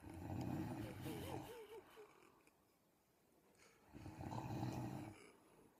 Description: Miss Piggy snore. Lol.